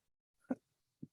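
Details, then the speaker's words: Rescue French Bulldog (Frenchie) named in conversation as a constant snorer, sleeping nearby: two short, low, rough snorting breaths in a quiet room; dog snoring. "is that a dog snoring that sounds like a dog snoring to me yes I have I have I have uh we have two dogs and one they both snore like"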